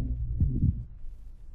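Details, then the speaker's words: 3.5-month-old girl with congenital tracheal stenosis complicated by tracheobronchitis: harsh, low-pitched tracheal and bronchial breathing with coarse crackling bursts. "La última grabación es de una niña de 3 meses y medio de edad con estenosis traquial congénita complicada con traqueobronquitis. Hay crepitantes gruesos con respiración traquial y bronquial."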